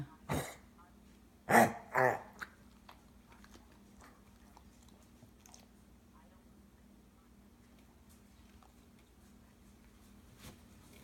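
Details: A dog gives about three short, harsh coughs in quick succession, followed by quiet room noise: a dog's cough.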